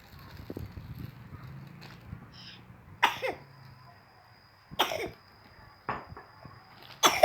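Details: A child gives about four short, separate coughs over quiet room noise and a faint voice; cough.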